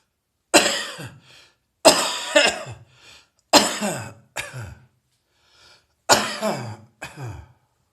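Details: Heavy chest cold cough that is getting drier: about seven forceful, harsh, fairly dry coughs in short clusters.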